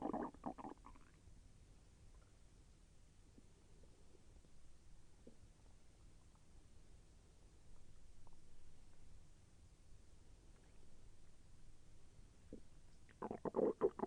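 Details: Stomach sounds during digestion, with intestinal movement felt as slightly painful: low rumbling gurgles at start and end with faint rolling bubbling between; stomach and intestinal growling.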